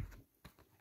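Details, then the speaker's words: Adult woman's stomach gurgling from hunger while she talks: faint low rumbling gurgles, ordinary hunger-related bowel sounds (borborygmi). "là vous allez entendre sûrement mon voilà mon estomac gargouillé je commence à avir la dalle"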